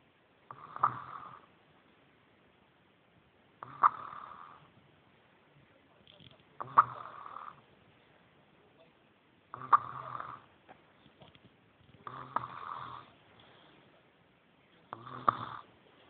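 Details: Six rough snoring breaths from a sleeping female, about every three seconds, roughly 20 a minute, with quiet pauses between; regular snoring.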